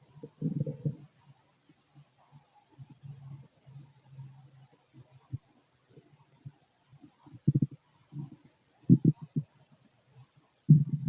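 Irregular gurgles and short rumbling bursts with quiet gaps; ordinary bowel sounds of digestion.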